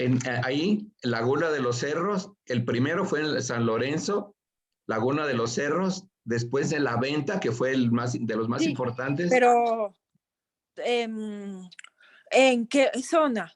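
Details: Aphasia after acquired brain injury from stroke in a participant of an art history workshop for people with aphasia, giving a spoken presentation in Spanish; finding: aphasia.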